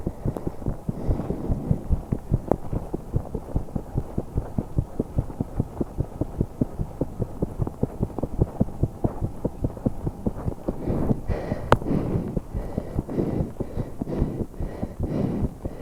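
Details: 21-year-old woman holding her breath during exercise, managing only a few seconds: fast, forceful heartbeat around 145 a minute with breathing noise, rapid heart sounds during exertion.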